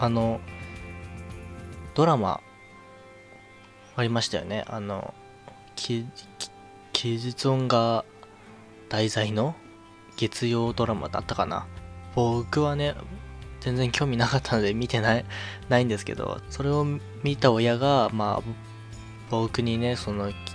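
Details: Man with a stutter since about age 2, which he attributes to childhood stress; he was a sickly child who was often hospitalized; stuttering.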